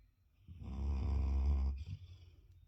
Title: May 19, 2023부기 자면서 코골기♥ Boogie sleep and snoring 😴